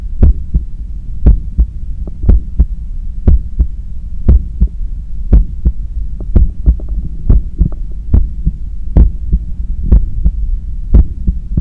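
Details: Normal heart sounds after exercise.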